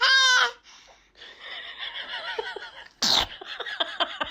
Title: Baby sneezes#baby #cute #funny #foryou #sneeze